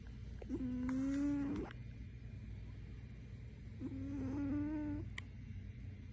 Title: My snoring lil creature. She gets so loud she wakes herself up